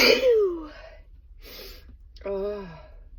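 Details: Car sneezes during lunch break, day 2: one loud, sharp sneeze burst, then a short breath and brief voiced sound in a small enclosed space; sneezing.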